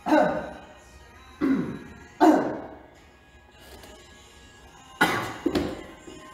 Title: Omega X cough